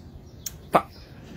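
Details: A simple vocal tic from an adult man with Tourette syndrome.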